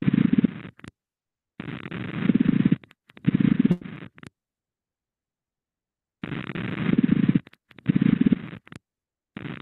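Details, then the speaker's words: Pleural friction rub demonstration for physical examination teaching: rough, grating, creaking bursts in both breath phases from inflamed pleura, as heard in dry pleuritis or pleurisy with effusion. "¿En dónde vamos a escuchar rosa pleural? En pleuritis seca, pleurecias con derrame pleural."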